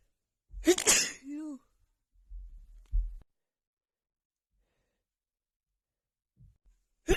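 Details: Female with a head cold having a sneezing attack: forceful sneeze with trailing voiced sound, quick breath, then another sneeze starting; repeated sneezing with a cold.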